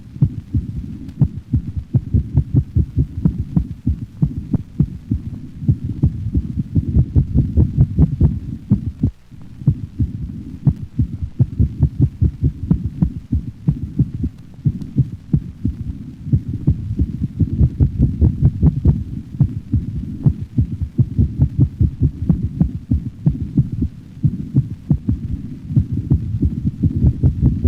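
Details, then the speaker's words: Canine heart auscultation: sudden bursts of rapid heartbeats of similar intensity, duration and frequency interspersed with a slower normal rhythm, paroxysmal ventricular tachycardia. "the next sound demonstrates paroxysmal ventricular tachycardia interspersed with a slower normal rhythm"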